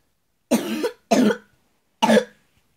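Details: A person coughing.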